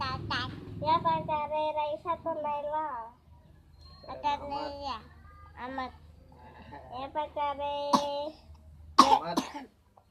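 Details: A sick child with a cough: child's voice and whimpering broken by a couple of short, sharp cough bursts near the end.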